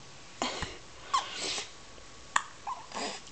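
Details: Infant girl who gets hiccups often: four or five short, abrupt breath catches with soft breathing between; repeated infant hiccups, baby gets upset.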